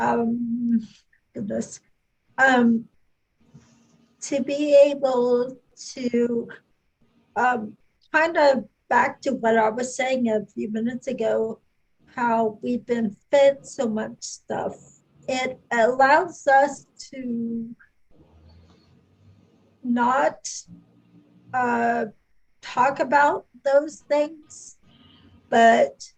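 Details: Adult woman speaking; normal speech.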